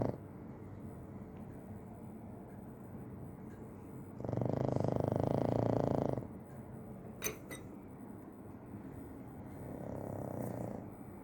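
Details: Sleeping pug: a loud, rough, rattling snore about two seconds, then a softer one, over faint room noise; snoring.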